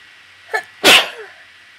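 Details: Person with slight summer allergies: a short catch of breath, then one forceful, wet sneeze; allergy sneezing.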